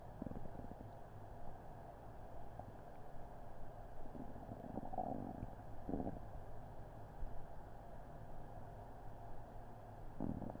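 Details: Adult's upset stomach on Christmas Eve after an unremembered meal, recorded with a Blue Snowball Ice microphone: low continuous gurgling and rumbling with a few louder bubbling bursts; loud bowel sounds (borborygmi).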